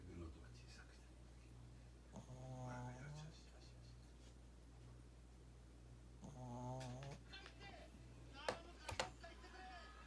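Soft rattling snores from a sleeping small dog, over steady room hum, with a few brief noises near the end.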